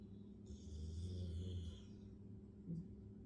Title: doggie snoring